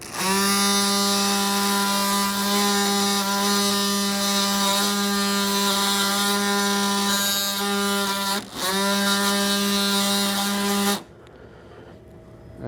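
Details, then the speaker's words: Loud, steady buzzing whine with a brief dip, then stopping: a robotic-arm-mounted bone saw making the posterior condylar femoral cut during Mako robotic partial knee replacement, planar workflow. "Now I simply have to depress the trigger. It'll activate the saw and I'll make my poster conler cut on the femur."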